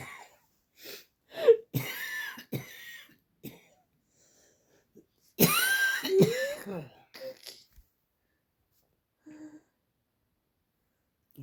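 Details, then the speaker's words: Someone coughs on request and is told to blow harder: a voluntary cough. "duck just coughed again blow harder"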